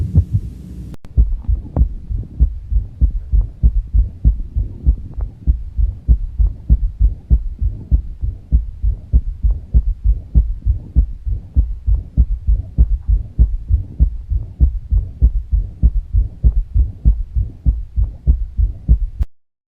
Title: Third Heart Sound